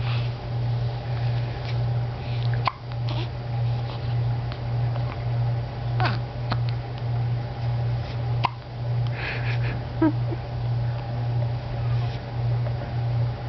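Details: Hiccups: several short, sharp hiccup sounds spaced irregularly over a steady low hum of room noise.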